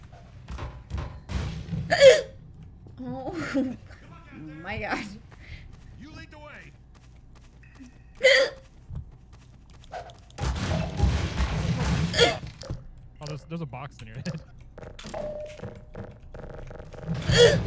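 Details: A streamer with hiccups, talking while gaming. Several short, sharp hiccups between bits of talk; someone says peanut butter works.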